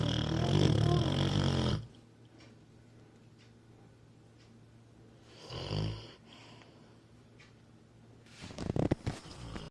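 A loud, rattling snore, then two quieter snoring breaths with snuffling between them; heavy dog snoring.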